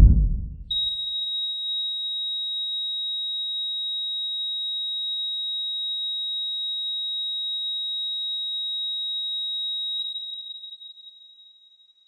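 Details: Heart monitor flatline in asystole: a brief low thud, then a steady unbroken high monitor tone about nine seconds long.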